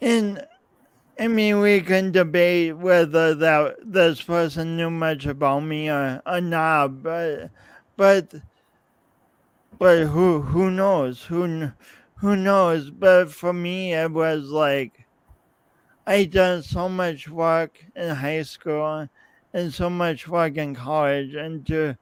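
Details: Adult man, podcast host, with his own lifelong speech impediment and coordination differences; speech impediment with disfluent repetitions.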